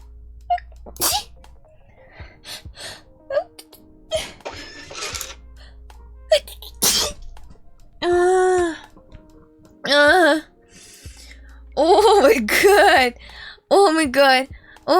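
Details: Compilation of sneezes from several different people: sharp sneeze bursts mixed with exclamations, laughter and background music.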